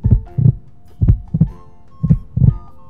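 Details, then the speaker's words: Normal heartbeat of a child, played in a Grade 1 music lesson on steady beat: steady paired lub-dub beats, about 60 a minute, one strong and one soft, with a faint background hum. "Hindi ba't parang ganyan ang tibok ng kanyang puso at ng tibok ng ating puso? Ang tibok ng ating puso ay isang malakas at isang mahina."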